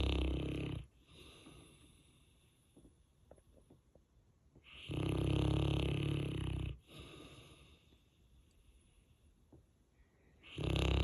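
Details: Saint Bernard dog in very deep sleep, not waking when the owner came home: deep, loud rumbling snores on the in-breath about every six seconds, roughly ten breaths a minute, with quiet pauses; heavy snoring.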